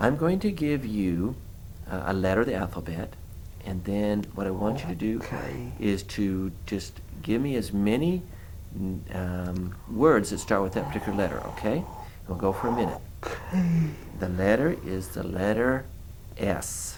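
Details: Adult male examiner; Normal speech.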